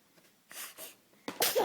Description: has a little sneeze...